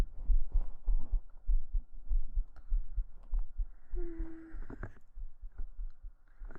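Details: Normal heart sounds recorded with a binaural 3Dio microphone during a hugging ASMR stream, with a pulse described as slightly fast: regular soft low thumps at about 98 per minute, with faint rustling noise.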